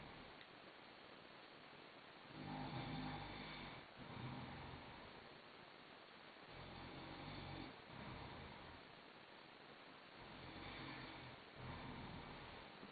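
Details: Person snoring at 4 a.m.: low, rumbling snores in a steady rhythm of about 15 breaths a minute, in a muffled, noisy recording.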